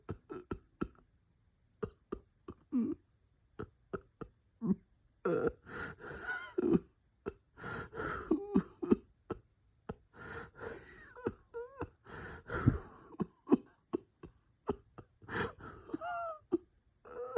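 Repeated short, harsh coughs and throat-clearing bursts with whistling wheezy breaths between them, fitting bronchospasm.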